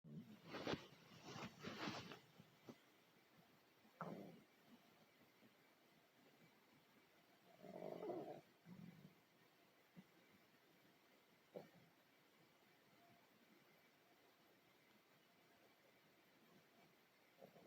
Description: my stomach was being noisy so i decided to record it.